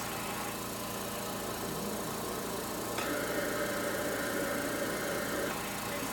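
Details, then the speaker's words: Cough assist machine in auto mode, set at 2-second inhalation, 2-second exhalation and 2-second pause, demonstrated on a ventilated tracheostomy setup: steady blowing and hum, abruptly switching from insufflation to exsufflation suction within three therapy cycles. "Do a therapy. So we'll do 3 cycles. Inhale, exhale, that's 1 cycle. Yep, so that's 2 cycles."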